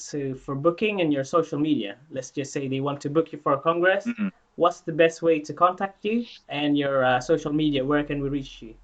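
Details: Adult speaker; typical speech.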